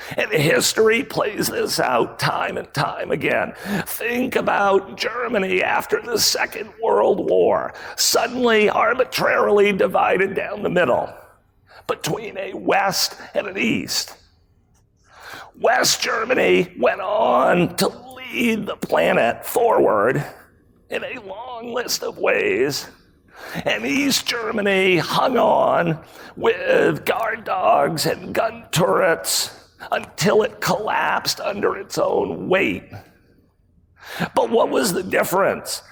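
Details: Adult man with spasmodic dysphonia, a rare voice disorder acquired in 2010, in which his throat muscles spasm and contract when he talks; spasmodic dysphonia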